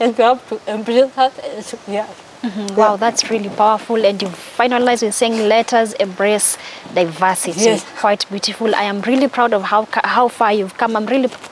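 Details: Adult interviewer; typical speech.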